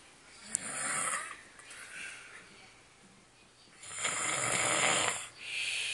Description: snores loud